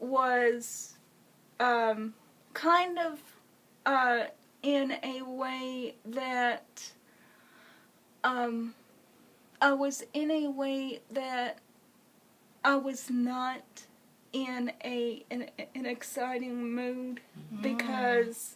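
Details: Woman with congenital cerebral palsy who has used a wheelchair since early childhood; dysarthria (cerebral palsy).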